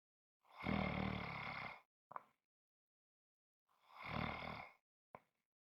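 Two long, rough, rumbling breaths, each followed by a short snort, with silence between: loud snoring in sleep.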